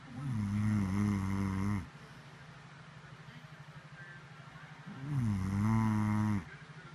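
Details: An adult woman asleep gives two long, deep, droning snores about five seconds apart, with a steady background hum between them; snoring.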